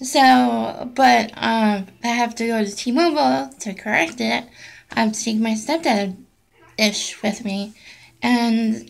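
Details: Adult woman with essential tremor affecting her voice, which she says may make her hard to understand; voice tremor (essential tremor).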